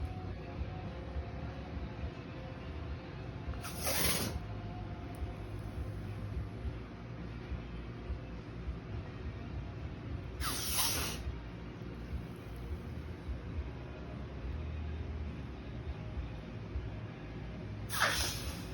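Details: Reticulated python ("retic") coughing: three short, sharp hissing bursts about every seven seconds over a steady low background hum.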